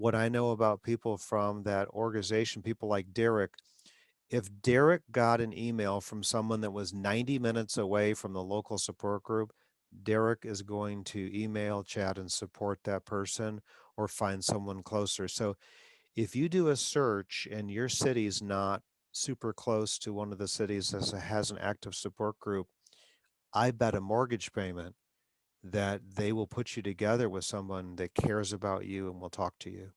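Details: Adult man; ordinary speech.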